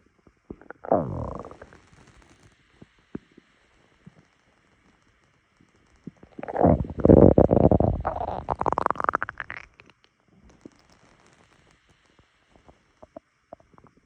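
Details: Stomach rumbling on waking in the morning, recorded by phone: gurgling, squeaky rumbles from the belly in two main bursts with scattered small pops between; ordinary borborygmi.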